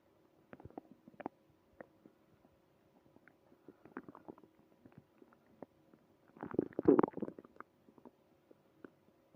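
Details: Early morning tummy trouble: scattered soft gurgles and pops with a louder rumbling gurgle near the end; stomach growling, normal bowel sounds.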